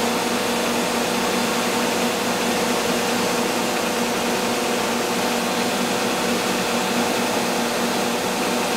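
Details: Tattoo laser removal performed by a dermatologist with a 3-2-1 countdown before each pass: a steady loud hiss with a droning hum, the running noise of the laser during treatment.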